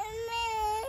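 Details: Brief, steady, high-pitched infant cry lasting under a second; ordinary infant crying.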